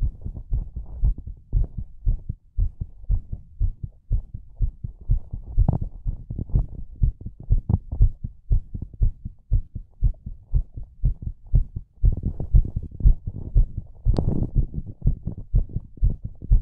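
Steady, muffled low thumps of a heartbeat, roughly 60 beats a minute as paired sounds, with a faint hum behind.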